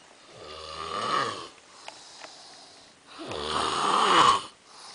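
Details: Loud snoring from an overweight man, recorded in Spain, said to keep everybody awake.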